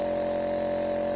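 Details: Steady mechanical hum with constant tone and fine rapid pulsing from a home compressor nebulizer running, medicine chamber filled with normal saline as the doctor advised; nebulizer compressor running.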